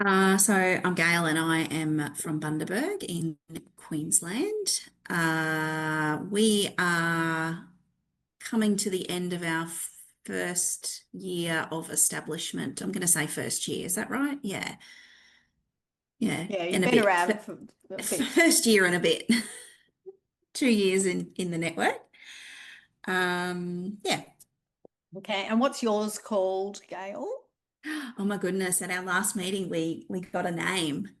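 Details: Adult woman speaking, with a second voice briefly; normal voice.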